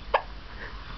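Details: Infant with a single short, sharp hiccup, a brief involuntary catch of breath; hiccup.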